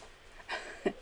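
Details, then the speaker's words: Dog snorting and snoring, attention-seeking: two brief, faint nasal snorts heard over quiet room noise. "if you can hear that noise that's my dog snoring and snorting because he's not getting the attention right now and he's pretty pissed off about it"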